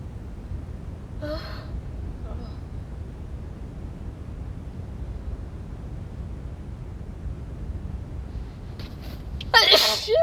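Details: Sneezing with a cold: a soft sneeze, then a louder, wet, spraying sneeze over quiet room noise; sneezing.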